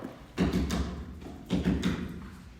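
Slow heart rhythm with three low thuds per beat, an extra sound just before the first, an S4 gallop.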